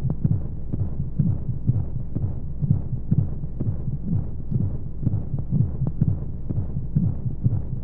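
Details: Womb sound sleep aid for babies: steady, muffled, low whooshing heartbeat, roughly 125 a minute, under soft rushing flow noise and white noise, as heard inside the womb; heartbeat.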